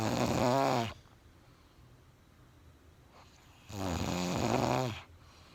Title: No cold no stress but Magical, unethical, .. a snore as lion roar..!🤦🏻‍♂️🤣